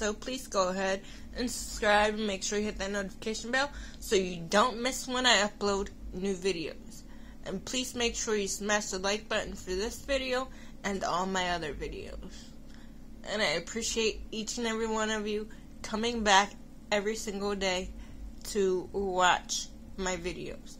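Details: Adult woman with cerebral palsy, which she says is why she sounds the way she does; mild dysarthria in cerebral palsy.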